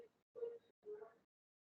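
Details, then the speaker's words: Pneumonia patient with reduced breath sounds: two soft breaths with subtle, very discreet fine crackles mainly at the end of the breath, likened to hair rubbing by the ear; fine crackles. "vocês estão vendo o estetor fino bem discreto aquele barulhinho como se fosse um cabelinho roçando aqui no ouvido"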